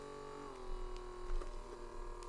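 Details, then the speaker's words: Automatic blood pressure monitor motor hums steadily as the upper-arm cuff inflates, arm relaxed down by the side, during a simulated roleplay exam by a non-doctor; reading 102/75, pulse 73. "so we're just going to turn it on just relax your arm down by your side and just relax it should start to inflate now"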